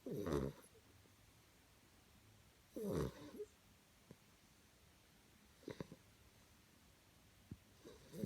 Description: Puppy snoring sleeping after his play .sure there is nothing good than watching a happy puppy sleeping 😍